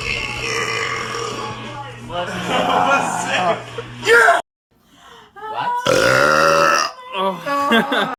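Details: A loud, drawn-out voiced burp from a man between stretches of talk, with music in the background; burping.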